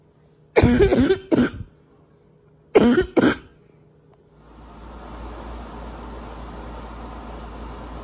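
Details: Adult who has felt more congested lately, with brutal coughs this past week and suspected allergies, coughing harshly with a barking, congested quality: barking cough.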